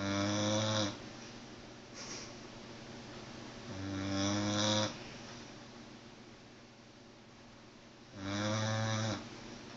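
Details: Sleeping pit bull snoring loudly, buzzing snores about 15 a minute, each about a second long with quiet breathing between; phone recording.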